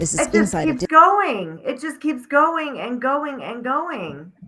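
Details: Adult woman speaking; normal voice.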